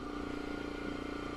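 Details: Loud, steady mechanical hum with a rapid pulsing rumble from an oxygen concentrator running to fuel a micro-torch with propane in a home jewelry studio.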